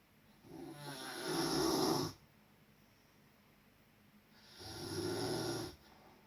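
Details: Two long, loud rattling inward breaths separated by quiet outward breaths; heavy snoring during sleep.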